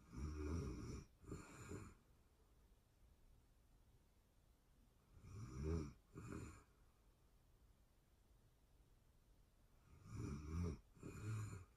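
Low, rattling snores in paired bursts about every five seconds, roughly 12 breaths a minute, in a quiet room: ordinary snoring.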